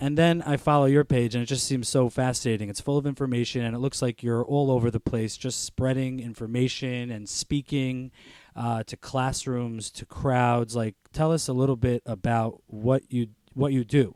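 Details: Adult male speaker; ordinary speech.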